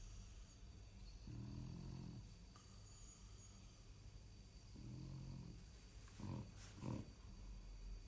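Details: French bulldog in deep sleep: low rumbling snores on slow deep breaths, then two short snorts.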